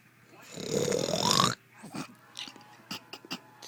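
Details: Child playfully imitating daddy's snore: one long rising snore-like snort, then short breathy sounds and giggles as he cracks up laughing.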